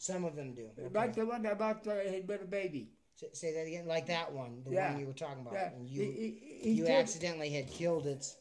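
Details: Adult speaker; ordinary speech.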